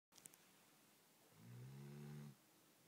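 A single low, humming snore lasting about a second, after faint clicks in a quiet room.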